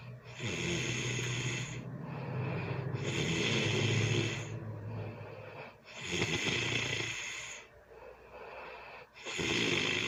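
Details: Early Sunday morning heavy snoring during sleep: loud, rough, rattling inhaled snores with harsh snorting, about 21 a minute; background music.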